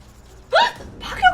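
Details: A single sudden, high, voiced gulp from an adult Korean streamer during a bout of repeated hiccups on a livestream.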